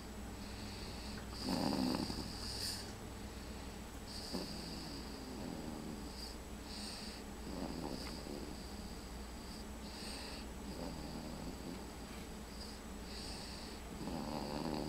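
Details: Infant, three months and one week old, snoring during sleep: irregular, rattling, snorting breaths over a steady room hum.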